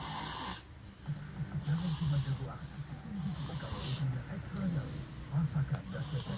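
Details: Rough, fluttering snores on breathing in, alternating with hissing breaths out, from a man asleep while sitting up; snoring.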